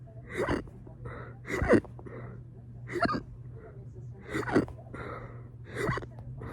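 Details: Quick, abrupt voiced hiccup gulps about every 1.3 seconds, roughly 45 a minute, in a quiet room; rapid hiccups induced by burping.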